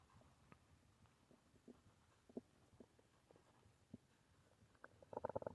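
Quiet, scattered gurgles and clicks build into a louder bubbling run at the end: stomach growling, ordinary bowel sounds.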